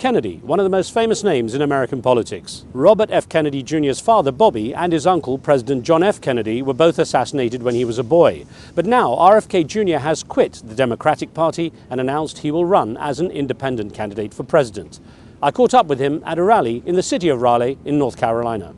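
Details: Adult male speaker; normal voice.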